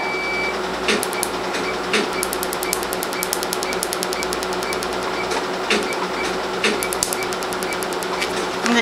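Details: First Q-switched laser tattoo removal session on a 4-month-old black-ink star tattoo on the arm of an African-American patient, treated with lower energy for darker skin. Rapid, sharp snapping pulse clicks over a steady machine hum; patient rates pain 5/10.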